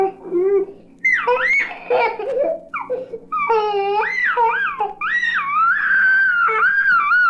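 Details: A toddler gives a whiny, rising-and-falling protest cry with short fussy sobs over a low hum, from a 1967 recording of baby sounds: a fussy cry of mild discomfort.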